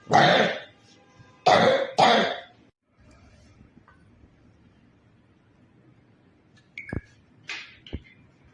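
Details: 13-year-old boy with a cough lasting 54 days that will not resolve, referred to Istanbul: three loud, harsh coughs, then quiet with a few faint clicks and squeaks; chronic persistent cough.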